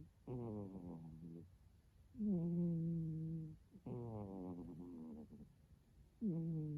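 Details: Pet snoring in sleep: loud, drawn-out, tonal snores with a buzzing, almost vocal quality, repeating every couple of seconds.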